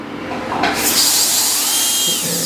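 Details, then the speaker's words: Dental drill starting up with a steady high-pitched whine, slicing the distal contact of maxillary primary molar 65 to create proximal space for a Hall technique stainless steel crown; slight bleeding expected. "Just three or four of slicing and you would feel that the contacts are big and there would be slight bleeding over here."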